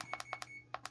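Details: Six quick electronic keypad beeps in under a second over a steady low hum, from a CADD PCA morphine pump already in use, as its continuous rate is reprogrammed from 10 to 25.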